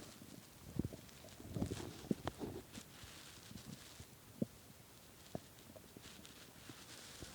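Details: Very hungry stomach after skipping lunch and dinner, growling badly at 3 am: irregular gurgles, pops and low rumbles from the belly; hunger borborygmi.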